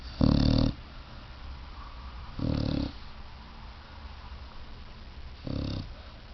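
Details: Puppy snoring very loudly: three loud, low, rumbling snores about two to three seconds apart, with quiet room noise between them.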